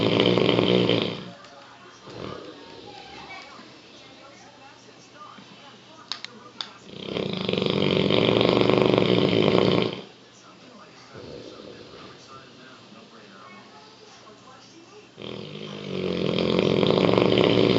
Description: English Mastiff "Rocky" snoring keepin everyone awake